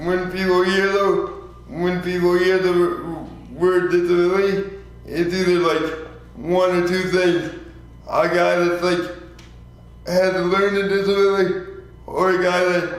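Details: 24-year-old man with lifelong spastic quadriplegic cerebral palsy following premature birth at 2 lb 4 oz; dysarthria (spastic, cerebral palsy).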